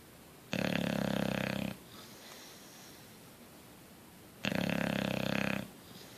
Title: Coach the Bulldog asleep and snoring